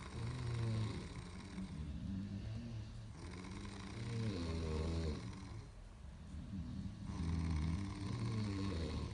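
Loud, low rumbling snores with a rattling quality, continuing almost without pause against steady background noise.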